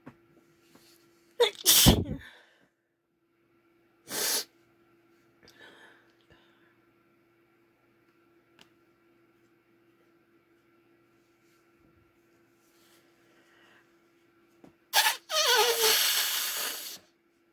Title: breathy wet strong f sneezes